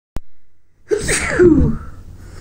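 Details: A quick indrawn breath, then one full, forceful sneeze in a sneezing bout set off by a tickling nose; the person reports a runny nose, watering eyes and a sore throat from sneezing.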